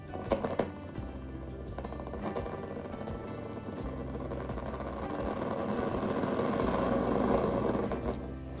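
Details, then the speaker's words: Needle EMG of an arm muscle in a patient lying down, recording motor unit potentials while pushing up against the examiner's resistance: crackling, static-like electrical noise over a steady hum, growing denser and louder with contraction. "you will hear some noise it sounds like electronic static type noise and that's what i'll be analyzing to see if it's normal or abnormal okay"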